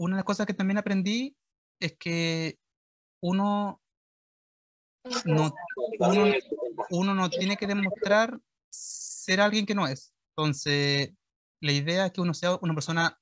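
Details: 21-year-old Chilean man speaking Spanish who did a year of speech therapy starting in 2021, with word and phrase repetitions; stuttering.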